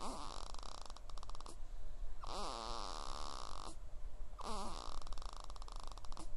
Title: Snoring baby!